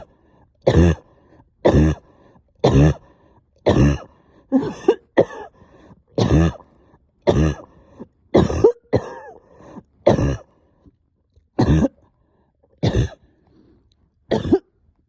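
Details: About fourteen harsh, wet, rattling coughs roughly one per second: a productive cough with stubborn sticky phlegm, coughing all night, with a heavy chest and headache.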